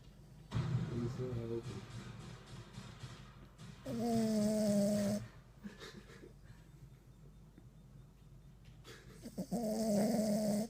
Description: Adorable King Charles Cavalier snoring whilst taking a nap